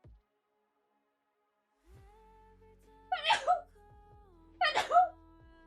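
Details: Young Italian female streamer with allergies: two loud explosive sneezes about a second and a half apart, each with a drawn-in breath, over soft background music.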